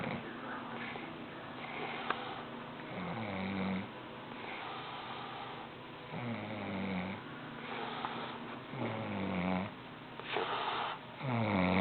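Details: Snoring: rhythmic low, rattling snores with each breath, about 18–20 a minute, over quiet room noise; ordinary snoring.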